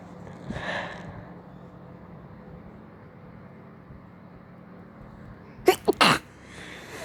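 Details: Sneeze: a soft breathy false start, then a quick double burst of sneezing against a steady background hum.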